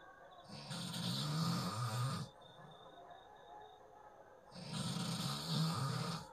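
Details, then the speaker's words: Snoring heard at night around midnight from someone sleeping nearby, the recorder sitting quietly; two long, rough, low rattling snores on the in-breath separated by a quiet out-breath, about 15 breaths a minute. "একটু দাঁড়াও, আমি একদম শান্ত হয়ে চুপচাপ বসে থাকবো, আর তোমরা শুনতে পারবো কীভাবে নাক ডাকছে।"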